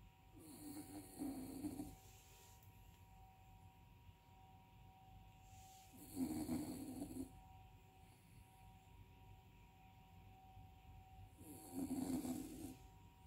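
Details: Dog that keeps snoring even when awake: three loud rasping snores about six seconds apart, roughly 10 a minute, over steady room hum; dog snoring.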